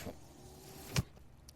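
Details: Running noise of the speaker's own mechanical ventilator.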